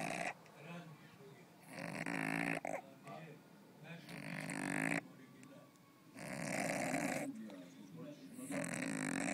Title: Cat snoring in the sink